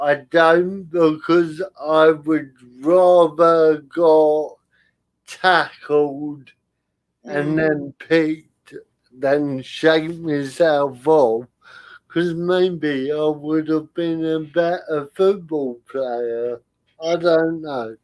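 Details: Adult male comedian with spastic cerebral palsy, attributed to lack of oxygen at birth, affecting limb control and speech; dysarthria in cerebral palsy.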